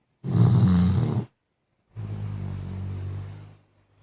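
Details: Sleeping pet dog, who often snored loudly, gives two loud, low rattling snores, a shorter forceful one then a longer fading one; dog snoring.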